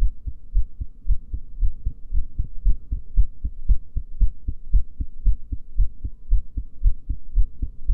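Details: Female heartbeat recorded during a breath hold: regular, deep thudding beats at about 115 per minute; normal heart sounds.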